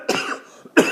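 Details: A person named in the caption gives a deliberately fake, imitated cough.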